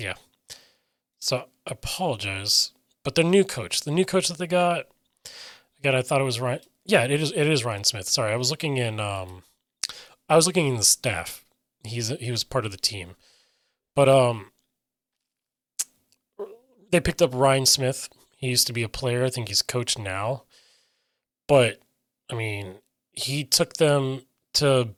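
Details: Adult man with self-reported aphasia; aphasia.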